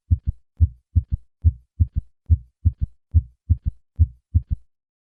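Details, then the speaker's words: Third heart sound: regular low heartbeat near 71/min with a soft, low-pitched extra early diastolic sound after S2, heard with the bell lightly at the cardiac apex, patient in left lateral position; in those over 40 usually indicates heart failure. "although it can be a normal finding in younger patients in those over the age of 40 this sound usually indicates heart failure listen once again to a patient with a third heart sound"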